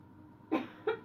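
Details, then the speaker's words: Two short, fairly soft coughs in a quiet room during a demonstration of a cleansing-healing coughing technique without touch or pressure points; the person senses more coughs coming. "I feel another cough coming. I can feel it. Uh-oh, I can see more coming."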